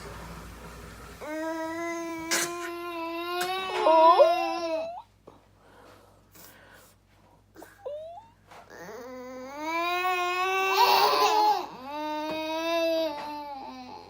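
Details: Pet cries when owner coughs or sneezes: long, high, wavering howling or whining cries with short pauses between; distressed vocal crying.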